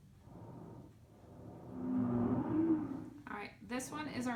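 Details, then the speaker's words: Simulated lung sound on a SAMII simulator: low-pitched, snoring-like wheeze heard only on expiration, slower and deeper than the high musical wheeze of asthma; sonorous wheeze (rhonchi). "remember this is our snores weeze that's like that deeper one that deep pitch not that high pitch musical note that you'd hear like in an asthma patient"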